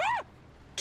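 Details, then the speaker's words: A short high-voiced cry, a brief pause, then a sharp hissing burst: an adult sneeze. "Jesus, why sneezed? I sneezed, guys."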